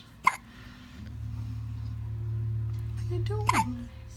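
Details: A 12-day-old newborn gives two brief, sharp hiccup sounds over a steady low background hum; hiccups.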